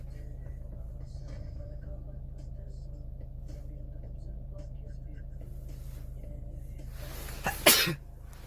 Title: sneeze